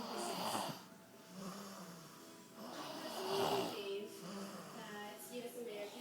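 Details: Snoring from a sleeping adult, hungover and still asleep at noon: rough, rattling snores with each breath, about 20 a minute.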